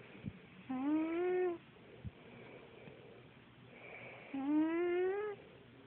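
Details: Snoring from a sleeping fat pet cat, sounding like a person snoring; snoring.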